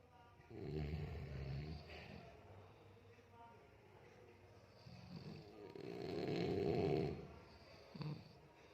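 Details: Grandfather and elder uncle snoring: loud, low, rattling snores on breaths in, with quieter stretches between; ordinary snoring.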